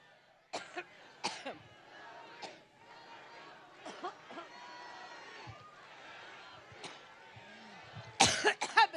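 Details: A woman at a Cleveland campaign rally coughs repeatedly in short bursts into a microphone for about 20 seconds, with hall noise behind, and drinks water. She blamed talking too much; the coughing is reportedly recurring.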